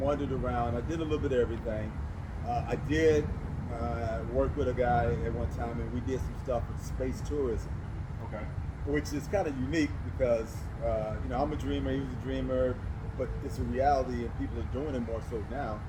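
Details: Adult man who does public speaking and says he stutters; stuttering.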